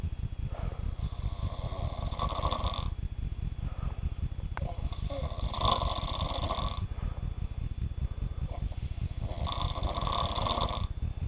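Regular buzzing snores on each breath, about 3 in 11 seconds, roughly 16 a minute, over a steady low hum.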